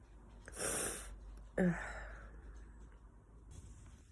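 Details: Person at home feeling very sneezy on the fall equinox: a brief intake, then a sharp, explosive single sneeze over low room rumble.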